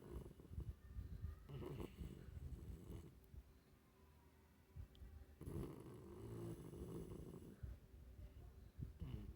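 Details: Low, rumbling, rattling breaths in slow cycles with quieter pauses between; snoring.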